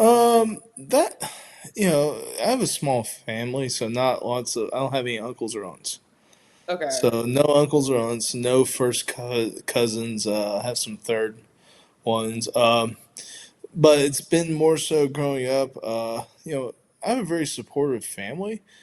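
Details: Adult man who identifies as a person who stutters, speaking spontaneously with audible word repetitions; stuttering.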